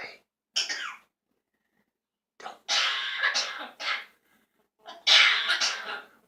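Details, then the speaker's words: A dog with a cold, runny nose and bad cough gives several short, harsh, raspy coughing bursts in quick clusters with quiet pauses, at bedtime; cough. "gonna have to get you something for that cold. If you keep coughing like that."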